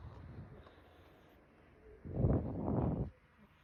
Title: Cat snoring while sleeping